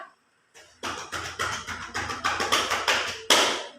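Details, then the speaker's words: A nurse performs chest percussion on a woman's back during chest physiotherapy to clear secretions while she breathes in and slowly out through the mouth: rapid rhythmic hollow claps, about two to three per second. "Nah di sini saya akan melakukan perkusi di bagian punggung Ibu nanti tarik nafasnya keluarkan pelan-peran mulai dari mulut ya Bu"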